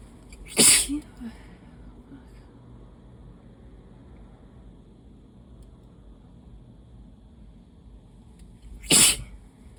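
Two sharp, forceful sneezes several seconds apart over quiet room noise; allergy sneezing.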